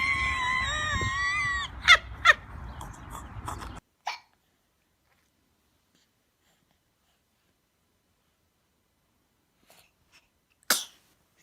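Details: Baby sneezing: after background music ends, a short burst, then after quiet one sharp, small sneeze.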